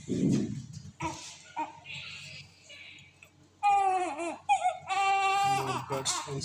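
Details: Loud, high-pitched newborn crying in bursts with brief quieter gaps, in NICU care for abdominal distension, gas bloating and colic pain during a glycerin suppository procedure; distressed infant crying.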